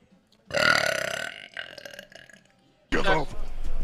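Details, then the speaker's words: Young woman streamer burping: one long, loud, rumbling belch fading out, followed by a brief voiced sound; ordinary burping. "oh my goodness you're going to get belching you're going to get burping that is a gall bladder problem and drink at the same time"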